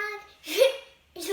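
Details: A child singing "plastic bag swimming in the ocean" has a sung note broken by a sudden, sharp hiccup, then resumes singing: hiccups.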